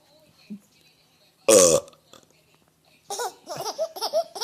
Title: burps are funny